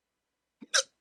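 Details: A single abrupt hiccup, a brief catch then a sharp gulp, in a quiet room during a rare 14-minute hiccup attack after waking from sleep with a CPAP mask used for sleep apnea; hiccup.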